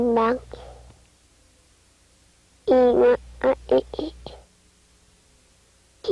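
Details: Child with repaired bilateral complete cleft lip and palate often using glottal stop substitutions, a compensatory articulation.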